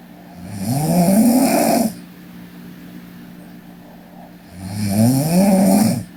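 Two loud, rattling snores on breathing in, with quiet breathing out between them: ordinary snoring during sleep.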